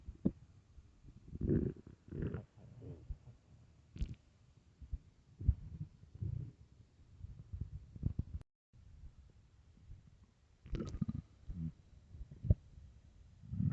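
Low gurgling and rumbling bursts with soft pops, irregular and continuing; stomach growling from an empty, hungry stomach.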